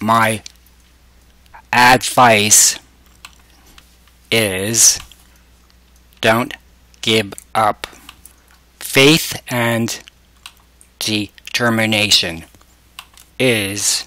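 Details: Man with aphasia whose speech was recorded as single words or short phrases and assembled into sentences with the SentenceShaper communication aid; finding: aphasia.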